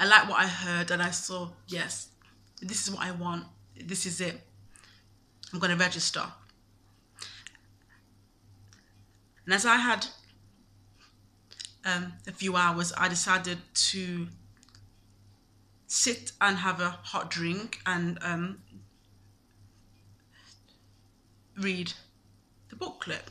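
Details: Adult woman who stammers, told by another lawyer she should not pursue a law career with a stammer; frequent pauses between short phrases; stuttering.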